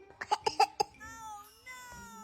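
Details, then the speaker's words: A young child with a cold and blocked nose gives four quick, voiced coughs in a row, followed by soft tonal sound, possibly music. "Tolong aku, pilek. Hidungku mampet, aku batuk."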